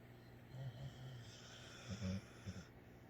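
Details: Female snoring loudly, getting worse: short, low, rumbling snores with snorting breaths against steady room noise; snoring.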